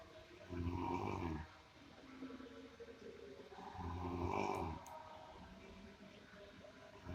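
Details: Sleeping person snoring loudly, likened to a buffalo: deep rattling snores on each breath in, two in seven seconds, with quieter breathing out between.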